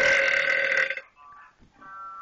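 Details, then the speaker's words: A loud, long, rumbling belch lasting about a second, followed by quiet background sounds; burping. "i can never hold it in long enough ah fail burp okay language nice oh my god that was hilarious"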